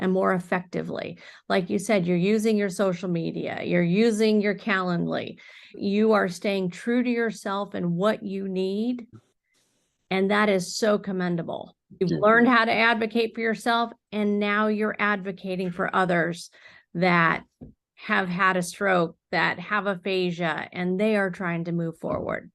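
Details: Adult woman speaking; normal speech.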